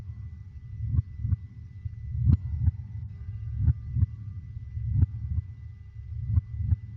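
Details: Slow, steady paired lub-dub heartbeat at about 44 beats a minute over a low, muffled rumble, used as a sleep sound for babies; a regular heartbeat.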